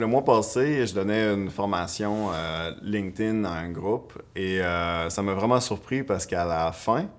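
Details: Adult woman who stutters; stuttering.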